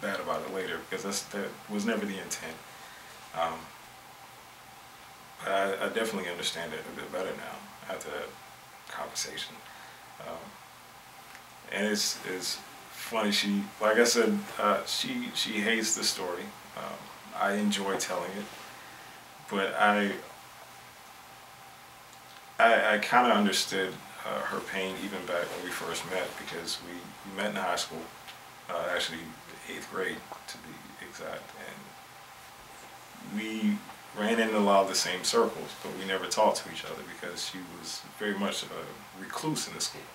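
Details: Adult male who stutters, member of a stuttering support group, had group therapy as a student; stuttering.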